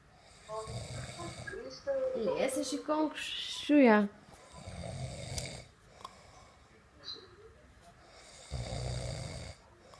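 Rough, rattling snores recur several times, with some vocal-like sounds mixed in between; ordinary snoring during sleep.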